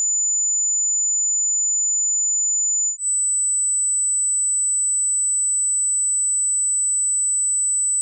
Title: Tinnitus Frequency Finder - Find Your Match (Official Hearing Test)